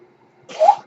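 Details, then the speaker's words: Man's mechanical ventilator delivering a breath while he speaks: brief quiet, then a short airy whoosh with a faint tonal hum rising and fading. "hello everyone my name is hard that noise you're hearing is my ventilator and welcome to page-turners"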